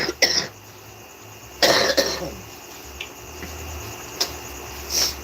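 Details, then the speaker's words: An adult with self-described chest congestion, blamed on tricycle exhaust pollution in the Philippines, gives a few short, harsh coughs with a throat-clearing quality and quiet room noise between them: congested chest cough. "I've heard this cop all over the Philippines like kids animals a lot have this cough so I really think it's from the pollution of the Trikes and the exhaust"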